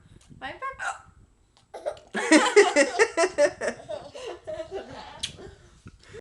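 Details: One person has hiccups, and a second catches hiccups from laughing at the first; short, abrupt gulping hiccup catches recur among laughter and voices.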